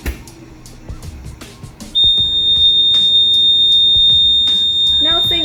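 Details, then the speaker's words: Steady high-pitched alarm tone over faint room talk during the alarm sound check of a Dräger Evita XL ventilator's startup self-test, which must be confirmed with yes; ventilator audible alarm. "alarm sound check you have to confirm with yes it's going to keep you until you do that"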